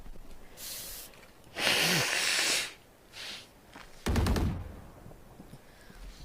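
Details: Adult recording live with a lowered voice: a sharp inhaled gasp, then a loud sneeze, followed by a short snort and a burst of nose blowing; sneezing and nose blowing.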